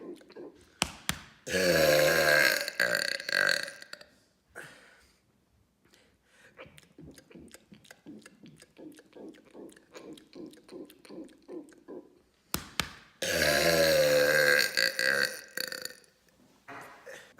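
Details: Deliberate loud burping: two long, loud, deep voiced belches separated by a stretch of soft rhythmic sounds.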